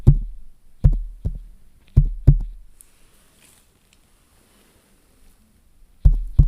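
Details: Simulated ASMR nurse-exam roleplay: deep thudding heartbeats in uneven pairs, then a quiet pause, heard through a stethoscope on the chest; the nurse calls it a regularly irregular heartbeat, not concerning, and asks about palpitations.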